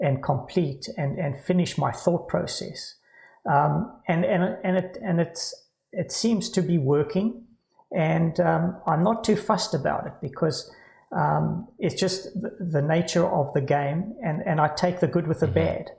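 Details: Adult man with Parkinson's disease diagnosed about 10 years earlier at age 49, now with cognitive decline, word loss, stammering and occasional slurring; hypokinetic dysarthria with word-finding difficulty.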